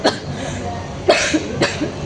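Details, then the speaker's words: Acted advertisement skit: an adult gives three brief, sharp cough bursts in a quiet indoor room. The character has had a cough for two days that won't go away, with a runny nose and an itchy throat. "Eh kamu batuk-batuk kamu enggak apa-apa. Iya, aku udah dua hari ini nih batuk enggak sembuh-sembuh."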